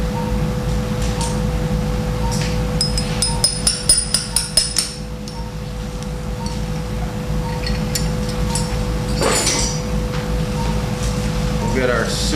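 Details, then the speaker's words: Arthroscopic left rotator cuff repair: about six sharp metallic taps over steady operating-room hum as the first suture anchor is placed into bone after punching. "so we're going to place our first anchor right about here"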